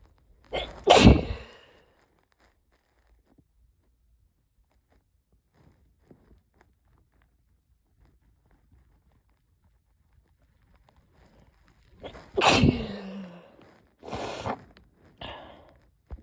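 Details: Repeated sneezing with an oncoming cold: one forceful sneeze, a long quiet gap, then a loud sneeze followed by two smaller ones.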